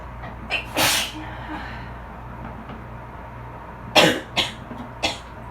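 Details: Four sharp explosive sneezes in quick succession while sitting in a bath after cleaning with bleach, to which the person is allergic; faint water splashing from wiping face, dryer and A/C in background.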